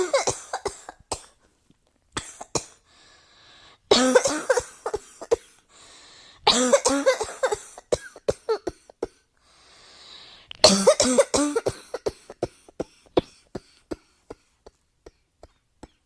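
Repeated bursts of harsh coughing in three clusters, with rapid fainter coughs and breaths between; persistent coughing in a quiet room.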